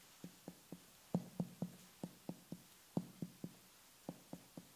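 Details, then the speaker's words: Abdominal percussion during a GI assessment: a series of short, soft, thudding taps with little ring, the dull note heard over solid organs, fluid or tumours. "assessing percussion sounds is helpful in determining the size position and density of abdominal contents solid organs fluids or tumors lead to dull sounds that may sound similar to percussion sounds of the thigh"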